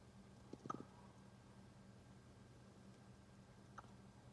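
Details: Two brief, soft jerky clicks a few seconds apart in a quiet room: a puppy with the hiccups.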